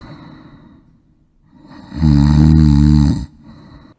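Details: One loud, low, rattling snore on an in-breath, with quieter breathing before and after.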